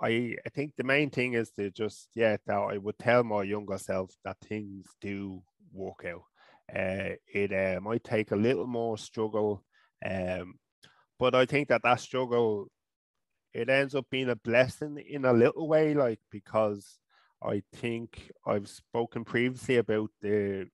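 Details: Adult man from Ireland who stutters, first seen by a speech therapist around age 5 or 6.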